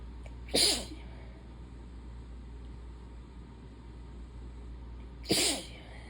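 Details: Sneezing from seasonal hay fever (allergic rhinitis): two forceful sneezes about five seconds apart, part of a relentless repeated sneezing bout in a person who has lost their voice.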